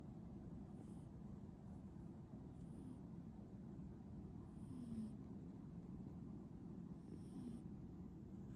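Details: Sleeping cat snoring: a steady low rumbling drone with soft, regularly spaced breath noises, about 27 a minute.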